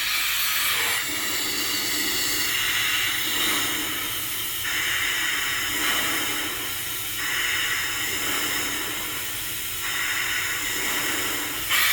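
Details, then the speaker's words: Flow-Safe II+ disposable bilevel CPAP demonstrated in a training session: rushing airflow hiss swelling and easing about every 2.5 seconds after switching to bilevel mode, pressure cycling between an average of 10 and 5, set as 10 over 5; bilevel CPAP airflow cycling. "since I've used this one before it's pretty much set for me and you can see as I it goes to 10 our average is 10. average is five average is 10 average is five"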